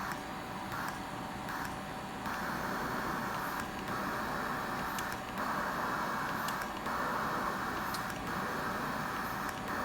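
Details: LTV 1200 mechanical ventilator in basic setup, assist control mode, in the emergency department: steady machine hum with repeated hissing pulses and faint clicks, cycling breaths into test lungs.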